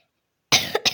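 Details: A single short, sharp cough after a moment of silence from a woman who says she is slightly ill, heard while she plays a game.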